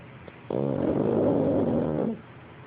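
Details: Snoring: a single drawn-out, buzzing, voiced breath lasting about a second and a half.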